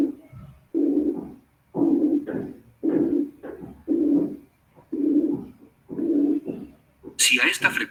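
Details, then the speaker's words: Simulated high-pitched blowing murmur from a narrow frequency band around 360 Hz, repeating about once a second, resembling mitral or aortic regurgitation murmurs when not too intense. "A un soplo formado tan solo por una estrecha banda de frecuencias alrededor de 360 ciclos, lo denomino soplo soplante de tonalidad alta. Y este se parece a los soplos de insuficiencia mitral y de insuficiencia aórtica, cuando estos no son demasiado intensos."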